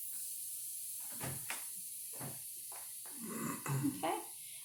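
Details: Cuff deflation hiss during a two-step manual blood pressure measurement: the cuff is inflated to 170 and the reading comes out at about 132/70.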